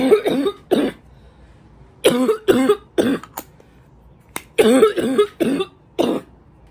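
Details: Person with a week of worse congestion and brutal coughs, hoping allergies clear: about eight harsh, wet-sounding congested coughs in clusters separated by pauses.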